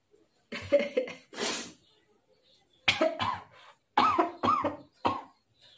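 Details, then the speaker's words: Woman doing a sneezing challenge with red chilli powder, with the chilli having reached her throat: several harsh coughs and throat clearing in short clusters, an irritant cough. "गले में भी चढ ग मिर्ची बुरा हो"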